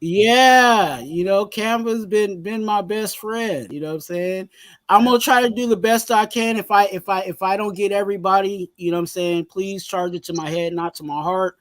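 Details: Stuttering in an adult male, very severe in childhood and now milder, with some still audible in his current speech.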